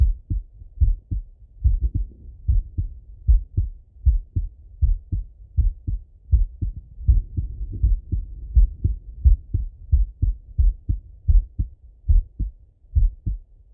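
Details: Male heart auscultated with a stethoscope, recorded partly sitting at a desk and partly lying in bed: steady regular lub-dub at about 80 beats a minute; normal heart sounds.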